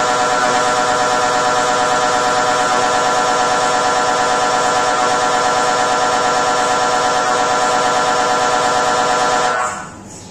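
Loud, rapid, steady mechanical knocking and buzzing at about three pulses a second that stops abruptly near the end: MRI scanner running a sequence.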